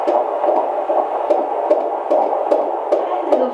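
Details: Fetal heart tones on Doppler at a midwife prenatal visit, second pregnancy with earlier high amniotic fluid and an ultrasound-noted heart murmur: rapid, regular whooshing at about 150 a minute, normal; midwife noted one skip.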